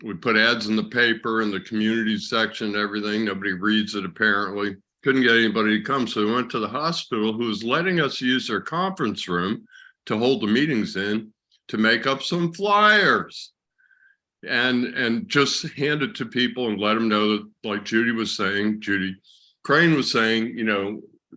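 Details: Adult man speaking; ordinary speech.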